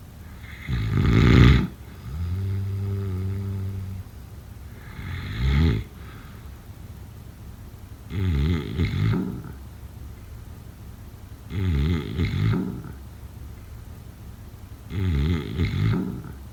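Loud, rumbling snores from a sleeping adult, about four to five breaths in 16 seconds, some with a buzzing, fluttering tone.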